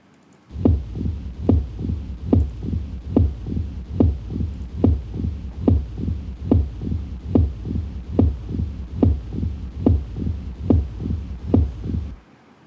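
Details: Loud S1 with opening snap.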